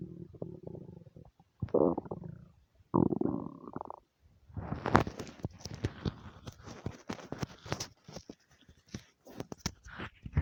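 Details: Nonstop stomach rumbling: gurgling abdominal sounds in bursts, some long and low, others short crackly gurgles, ordinary bowel sounds (borborygmi).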